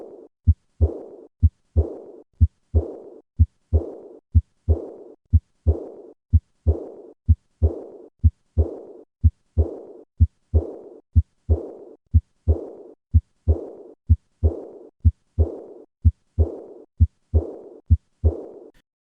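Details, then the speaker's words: Aortic regurgitation: regular heart sounds near 64 per minute, each followed by a soft, high-pitched, blowing diastolic decrescendo murmur, heard best at the third or fourth left intercostal space along the left sternal border. "in summary the murmur of aortic regurgitation is a diastolic decrescendo murmur which is high pitched in character this murmur is heard best in the third or fourth left intercostal space"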